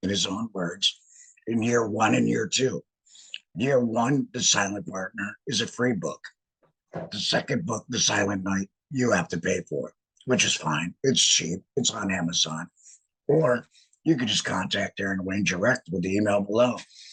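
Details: Alaryngeal speech in a man who had a laryngectomy and began this podcast about a month after regaining the ability to talk.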